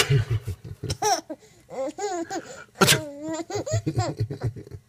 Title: Giggling at daddy sneezing